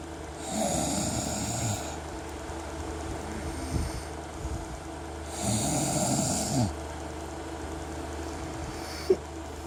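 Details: Adult man snoring while asleep: loud, rough, fluttering snores about every five seconds with noisy breathing between and steady room noise.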